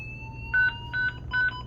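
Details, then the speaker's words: Simulated defibrillator charging during staff training, pressed while CPR continues after programming energy (150 or 300 joules): a steady rising tone with three repeated double beeps, signalling it is ready to shock once everyone is clear. "what else are you guys going to do on the machine charge go ahead and hit charge same principles yep so we're just going to charge"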